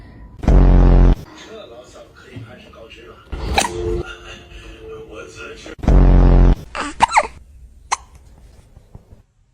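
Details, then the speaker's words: Cat with hiccups: two loud, jerky bursts about five seconds apart, with a few smaller catches between them, over faint room noise. "Oh, hello. Have you got hiccups?"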